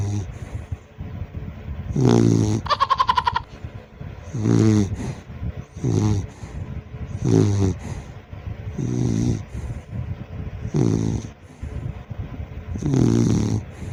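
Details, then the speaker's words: Loud, rough, rattling, throaty snores about one every two seconds from a sleeping young pet dog; ordinary snoring. "ito po ang another video na tulog at humihilik siya guys papakinggan ulit natin"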